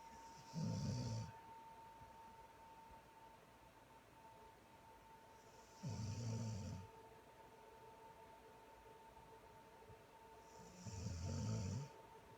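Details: Low, rumbling snores about every five seconds, three in all, with a steady hum in the background; snoring.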